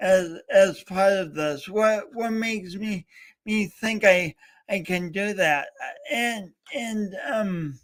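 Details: Adult male host with a speech impediment, coached for years, talking live during a three-hour talk-a-thon. Finding: speech disfluency (stuttering-like).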